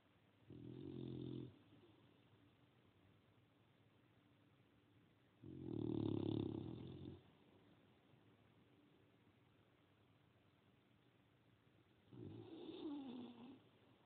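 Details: Three slow, low rumbling snores about five seconds apart in a quiet room; snoring.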